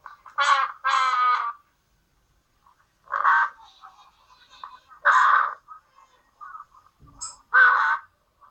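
Repeated musical, whistling sounds with breaths, roughly five in eight seconds: wheezing from narrowed airways in obstructive bronchitis or bronchiolitis.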